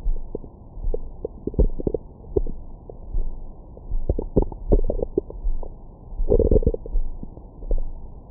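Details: Stomach growling recorded over the abdomen with a Stemoscope stethoscope microphone after a large meal: frequent irregular gurgles and squeaks; active bowel sounds, normal digestion.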